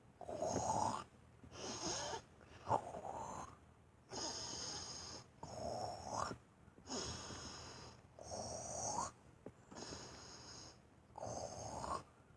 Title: Snoring beauty